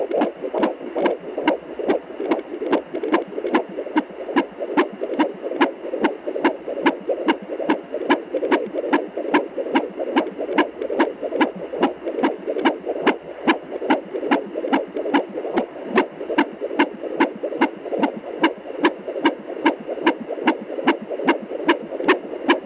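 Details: Fetal heartbeat of a baby girl at 24 weeks on fetal Doppler: fast, regular galloping whoosh-thump at about 146 beats per minute.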